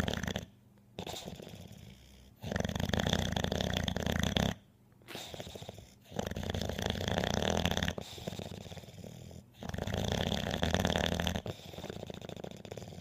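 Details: Loud, rattling snores in long repeated cycles, each a coarse throaty vibration with quieter pauses between breaths.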